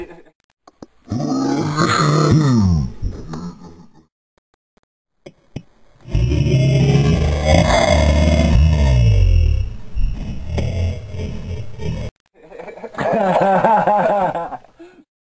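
Three long, deep, rumbling belches of several seconds each, separated by pauses.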